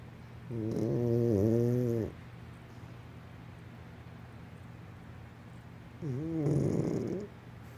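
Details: Sleeping animal called Beastie snoring: two long, low, rumbling snores about five seconds apart with quiet pauses between.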